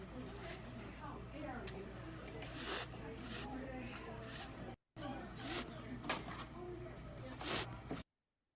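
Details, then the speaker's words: Veterinary patient in respiratory distress: repeated wet hissing, sucking bursts with rapid breaths, the classic sound of air moving through a sucking chest wound (open pneumothorax). "So nobody wants to hear that noise. That is the classic sound of a sucking chest wound."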